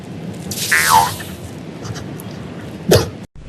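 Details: A child gives a sudden sputtering cough, then a second short cough burst, after swallowing pool water while swimming; cough after aspirating water.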